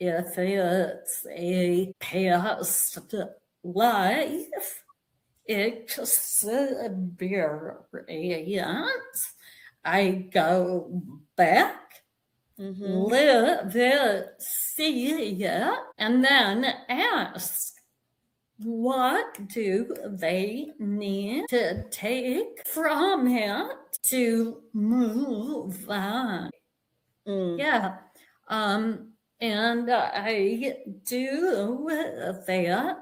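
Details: Vocal tremor in a woman; it is said to have developed after decades of narcissistic abuse and trauma beginning at age five, and she describes it as physically manifesting in her body and nervous system.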